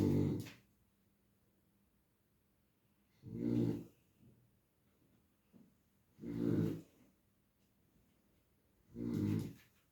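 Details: Slow, rough, rattling snores about every three seconds, roughly 20 a minute, from a sleeping dog in a quiet room; ordinary snoring.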